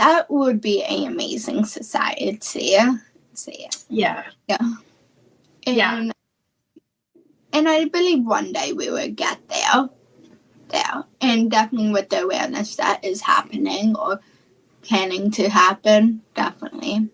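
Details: Childhood apraxia of speech, a neurological speech disorder, in a female guest who is starting high school.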